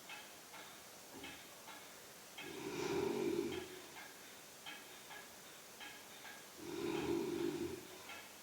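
Two low, rumbling snores about four seconds apart, around 15 a minute, over faint ticking room noise. Snoring during sleep.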